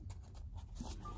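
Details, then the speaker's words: Stomach growling (borborygmi) from an adult while sewing a book: brief low rumbling gurgles as gas and fluid move through the gut. "can hear my stomach growling."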